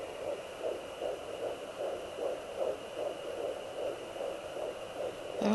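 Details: Fetal heartbeat on home fetal Doppler at 13 weeks 5 days of pregnancy, mother believes baby is moving and kicking: fast, regular whooshing pulses about 150 a minute over a steady Doppler hum.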